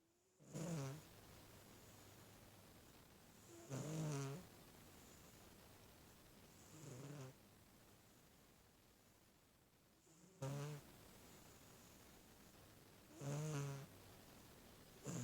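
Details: Sleeping, twitchy cat snoring: regular buzzing snores about 19 breaths a minute, with quiet pauses between them.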